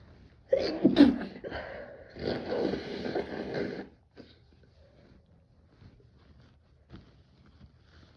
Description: just a few stuffy sick sneezes (and a cough — sound is kinda muffled :(